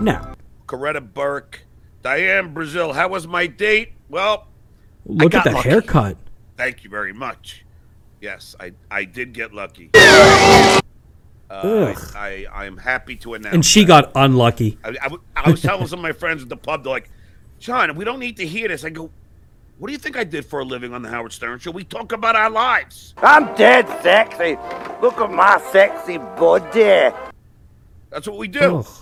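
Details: Stuttering in an adult man; sound repetitions are present.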